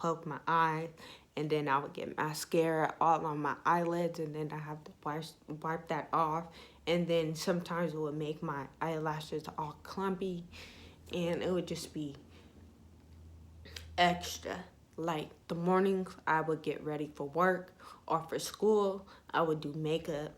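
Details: Young woman with ataxia (she says type 46), symptoms beginning in her high school junior/senior years, with leg shaking, poor balance and twitching; she reports her voice trembles whenever she talks; voice tremor (ataxic speech).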